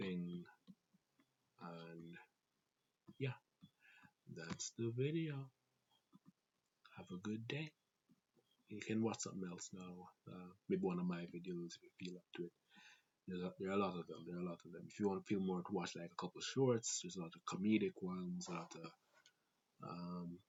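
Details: Adult Jamaican man with a family-inherited stutter (grandfather, father, siblings), who also reports talking fast and having a sore throat that day; stuttering.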